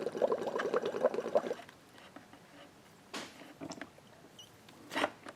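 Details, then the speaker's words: Home-built hand-operated, pressure-regulated non-rebreathing emergency ventilator run on oxygen: quick burst of gurgling bubbles, then drips and splashes as air escapes through a freezer-bag water column at peak pressure; water column bubbling. "now when you close the the tubing which I'll do with my fingers here you'll notice that it quits bubbling and then the pressure in the high pressure side can get higher and that water level will drop inside that tube"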